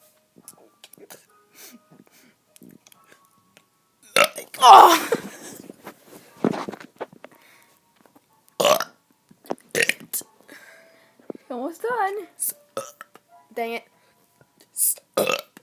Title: Kid doing burps 2!!!